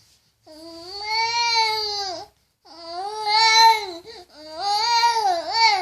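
Three long, high-pitched, sustained cries with brief pauses between them; typical infant crying.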